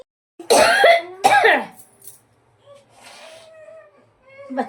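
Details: Woman sniffing chili to try to provoke a sneeze, nose burning and running but no sneeze: two sharp, harsh coughs in quick succession, then quiet room sounds with faint voicing; cough.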